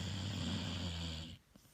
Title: Hazel the pit bull snoring!